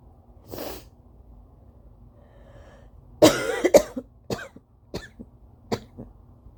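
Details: Adult in an early-morning (almost 5 AM) dry allergy coughing fit: a forceful nose blow followed by short, dry, hacking coughs; dry cough.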